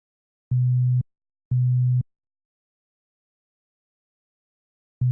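Low, steady pure tone in two half-second beeps, then silence and a third beep; a 125 Hz hearing test tone.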